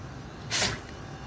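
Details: A single short, sharp airy sneeze from a 5-year-old Doberman dog, over steady engine-like background noise.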